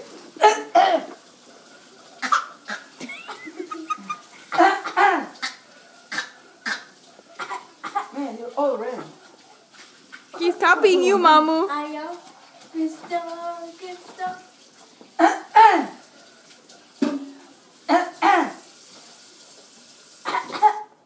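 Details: Adult imitating another person's cough: repeated short, harsh bursts mixed with voiced sounds and laughter.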